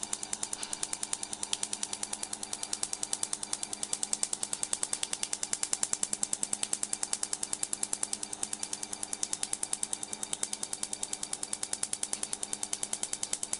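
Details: Rapid, regular sharp clicks, about 200 a minute, over a steady electronic hum: a tattoo-removal laser firing pulses while removing straight-edge tattoos.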